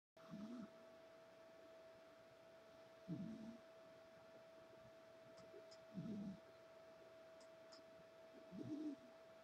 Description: This right here is the most beautiful cat in the world. And she has the cutest snore.